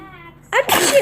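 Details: Infant's single ordinary sneeze: a soft voiced intake then one sharp, bursting "achoo".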